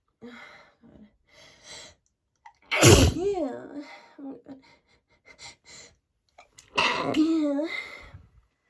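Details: Two loud, voiced sneezes with short catching breaths and soft sounds between, attributed to an allergy to a candle.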